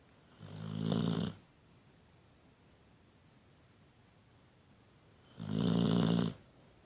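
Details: Pitbull napping: two loud, low, rattling snores about five seconds apart with quiet between; ordinary snoring.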